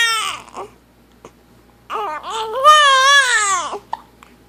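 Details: 7-week-old infant troubled by hiccups gives short fussing whimpers, then a rising, wailing cry; a plain baby cry.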